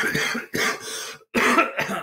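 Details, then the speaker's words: Adult two weeks into an illness caught from family over Christmas (says it was not COVID) is still coughing up phlegm: two harsh, wet coughing bursts with a brief pause between, a productive cough. "I'm two weeks into it, and as you can hear, I'm still coughing some stuff up, but it's all good."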